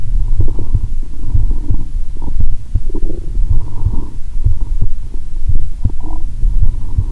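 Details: Stethoscope on own abdomen; watery sounds heard even near the heart; low rumbling and gurgling with scattered soft pops: normal bowel sounds (borborygmi).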